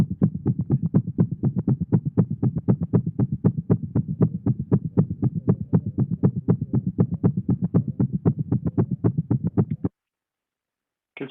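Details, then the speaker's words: Rapid, regular paired S1 and S2 heart sounds at about 240 beats a minute with short pauses: a normal cat heart on phonocardiogram, faster than a normal dog's. "tenemos que familiarizarnos con los dos primeros sonidos que a continuación que es un corazón de un perro normal y luego un corazón de un gato normal"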